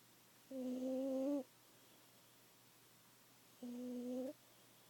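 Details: A sleeping cat snoring very loudly, not woken even by a thrown sock: two loud, steady, humming snores about three seconds apart, each under a second, in a quiet room.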